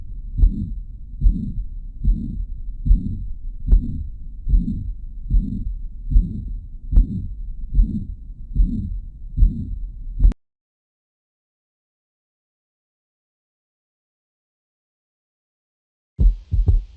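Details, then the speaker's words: High-pitched blowing holosystolic murmur continuous from S1 to S2; presented as the sound of mitral and tricuspid regurgitation, best heard with headphones. "this is going to be hollow systolic high pitched blowing and continuous from s1 to s2 so put your headphones on and listen because this is what mitral and tricuspid regurgitation sound like"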